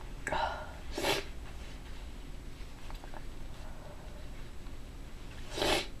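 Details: Deliberately performed variety of sneezes: short, sharp, breathy bursts with quiet pauses between them, in a small room.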